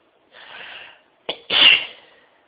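A breathy in-breath, a short catch, then a sharp explosive burst of air; a single sneeze.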